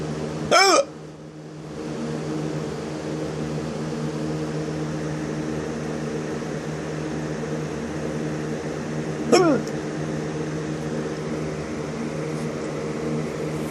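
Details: Hiccups: two sharp, abrupt hic sounds about nine seconds apart over steady room hum.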